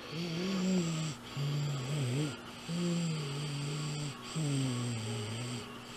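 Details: Harsh, rattly, faintly musical breathing on both in- and out-breaths in a sick young girl with croup that began that morning and worsened, with a steady background hum; the doctor advised a nebulizer.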